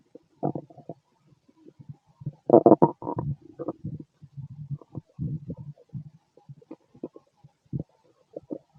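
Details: Male stomach growls: gurgling, bubbling rumbles in irregular bursts that rise and fade as contents move through the digestive system; ordinary borborygmi.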